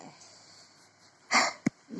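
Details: Young girl sick with a cough and cold: a single sharp, breathy sneeze-like burst followed by a brief catch; sneeze.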